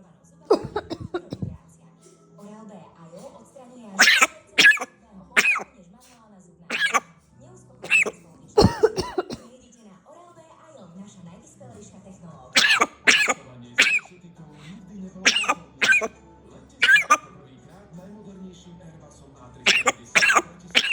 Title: Parrot's Impressive Imitation of Owner's Coughing Sounds